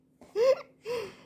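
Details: Baby sneezing: a quick infant vocal burst with a rising squeal, then a second short voiced burst; the baby laughs after sneezing.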